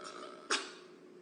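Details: A Blackpink member sneezes: one short, sharp sneeze over faint room noise, followed by "bless you."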